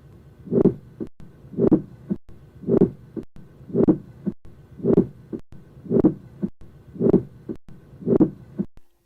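A regular heartbeat at about 64 a minute, with a low rumbling murmur that builds just before each loud first heart sound. This is a presystolic, or late diastolic, murmur: it is produced in the last part of filling, before the heart contracts.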